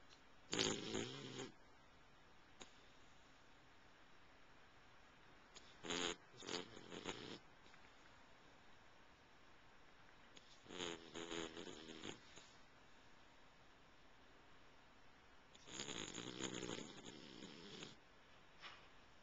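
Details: Four rough, rattling snores a few seconds apart against quiet room background during sleep, recorded in 2009 on a Flip Video camcorder; snoring.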